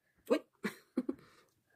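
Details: A pet mouse coughs; she is said to have allergies.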